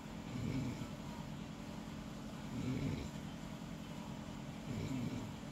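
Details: Low, rumbling snores about every two seconds, roughly 28 a minute, moderately loud over a steady background hum; ordinary snoring, quieter than on a previous night.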